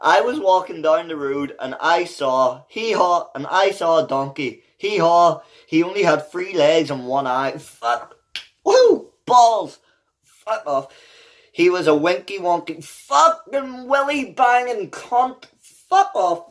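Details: Adult man with Tourette syndrome, a neurological disorder causing involuntary sounds and movements; unedited involuntary vocal tics, including vulgar words, interrupt his reading of a children's book aloud; real, not acted.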